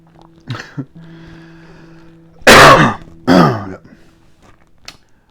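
Two loud, harsh, voiced coughs in quick succession after a few brief throat sounds, over a steady low room hum.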